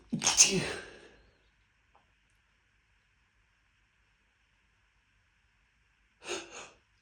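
A loud, explosive sneeze, then a quieter second sneeze several seconds later: two sneezes in a row.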